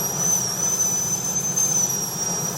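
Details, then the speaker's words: High-speed dental drill with burr held diagonally reducing the C-plane along the distal lingual groove, all-ceramic MOD onlay preparation on tooth #14: steady piercing whine with spray hiss. "Okay, so the C-plane, all I have to do is hold the burr diagonally, following the same position of the distal lingual groove, and I reduce down on the distal lingual groove at the C-plane area, and then I keep it pointing diagonally for the whole C-plane."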